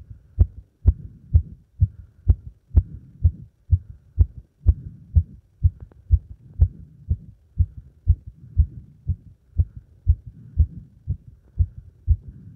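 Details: Heart sounds after leapfrog jumping exercise: strong, regular thumping heartbeat at about 125 beats a minute; normal heart sounds, fast after exertion.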